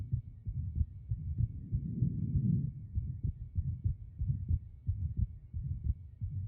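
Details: Low, repeated heartbeats with a soft murmur underneath heard through a stethoscope: atrial septal defect (ASD) heart sounds.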